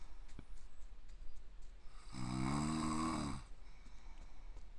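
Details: Self-deprecating clip of an adult man (a "raccoon-dog old man") asleep, not waking even when hit or eyes forced open; a single loud, drawn-out snore with a rough, groaning, scream-like tone in a quiet room; giant snoring.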